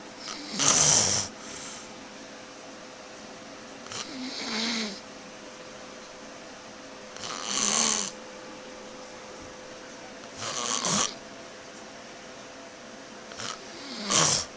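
Loud rasping snores, one per breath, about 9 a minute, with quiet pauses between them and a faint steady hum in the room.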